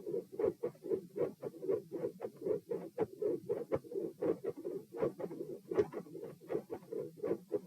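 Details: Heart sounds from the same subject lying supine, recorded at position P, in a comparison of patterns and behaviours; mostly mid-systolic murmurs.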